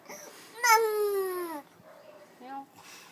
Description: My baby is crying because of his diaper rash but he still clap his hands, took a high five & make his hands close & open.